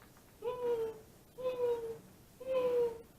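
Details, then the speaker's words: Imitated wheeze, done louder than real: three steady high-pitched whistling tones of about half a second each, air forced through a very narrow passage, classically in asthma, usually heard over the lungs. "this is the high pitch down that's going through its air trying to go through a very narrow passageway classically the asthmatics have it I'm doing a lot louder so you can hear it"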